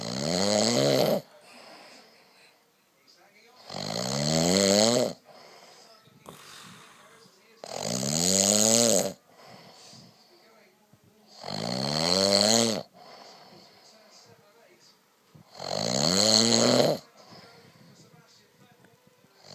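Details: Adult man (husband) snoring in sleep after drinking too much wine: loud, regular rattling snores on each breath in, about 15 a minute, quiet pauses between; snoring.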